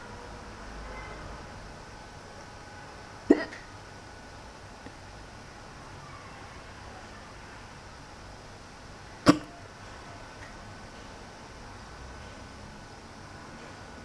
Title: bored,hiccups